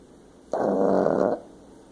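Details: Snoring during sleep: a single loud, rumbling, buzzing snore lasting under a second, with quiet room noise before and after.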